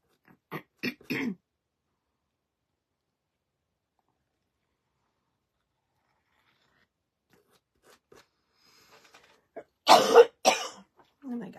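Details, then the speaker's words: An adult recovering from illness with a persistent cough and runny nose gives a quick run of short coughs, then after a long pause a louder pair of coughs; cough. "well as you can hear I'm coughing I'm doing much better if I can just get the cough and the nose to quit"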